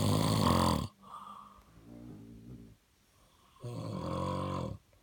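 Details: Snoring during sleep, recorded 07/01/2020: a loud, rough snore at the start, softer vibrating breath sounds in the middle, then another strong snore.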